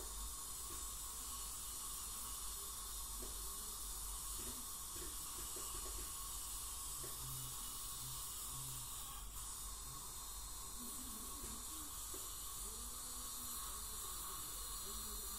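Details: Dental hygienist scaling a patient with heavy plaque and tartar buildup, possibly gingival inflammation or full-mouth debridement: steady hiss of water spray and suction with faint high scraping and buzzing of the scaler.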